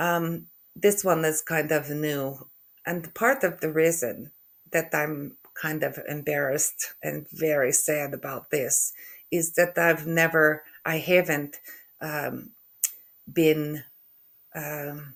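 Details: Adult woman with aphasia after a stroke in November 2023; word-finding difficulty and halting speech.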